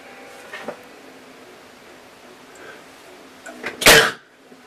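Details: Single loud, explosive sneeze near the end of a quiet recording, made during a belching session.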